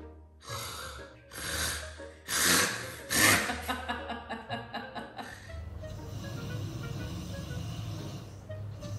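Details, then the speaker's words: Imitated snoring: an adult man mimics his pregnant partner's snoring, which began a few weeks ago and lasts all night. Loud rasping snores build in crescendo, then quick snorts, with music behind. "ça fait quelques semaines elle ronfle on dirait Shrek c'est crescendo genre ça s'arrête pas je vais te le faire"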